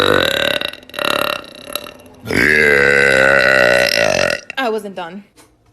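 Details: Woman's thick burps from a compilation: a long, loud, deep burp with a croaky, rumbling voiced quality, followed by a shorter one.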